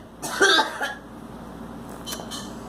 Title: Girl coughing